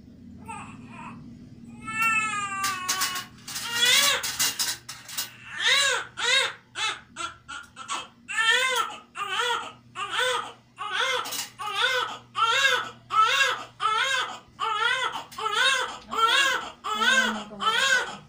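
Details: Loud, rhythmic crying in repeated bursts, about 80 a minute, from a baby just after a normal vaginal delivery: a strong, normal newborn cry.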